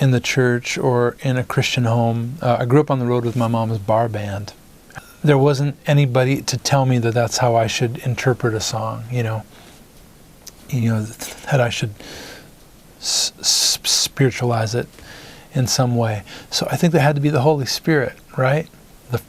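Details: Adult male singer-songwriter with stuttering that began in first grade, after his parents' divorce.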